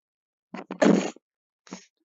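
A quick intake, then one sharp, forceful burst of air and a short voiced sound after; a single ordinary sneeze.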